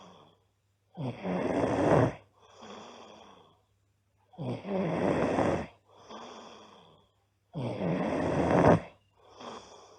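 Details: Loud, regular snores on each in-breath, each followed by a softer out-breath, about 19 breaths a minute, from a sleeping girl; loud snoring.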